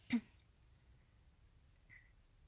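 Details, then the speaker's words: Person with Tourette syndrome during a bad night of frequent tics makes a sudden sharp vocal burst, then near silence and another brief sound at the end: a vocal tic that interrupts speech. "I literally can't get a sentence out without and it's like this with my dad too"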